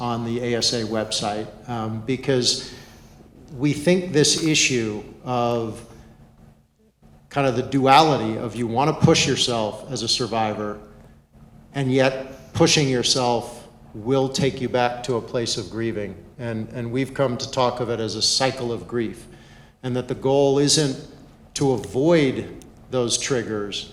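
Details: Adult male speaker; ordinary speech.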